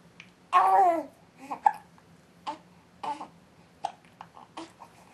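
A young baby coos and babbles, broken by several short, sharp catches in the breath: infant hiccups, with a steady low hum behind.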